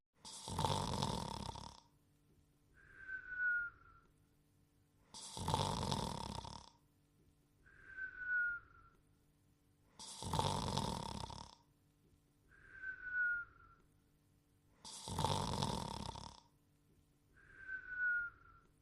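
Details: Cartoon dog character snoring (animated, not real): rough inhaled snores alternating with a falling whistle on each exhalation, about twelve breaths a minute.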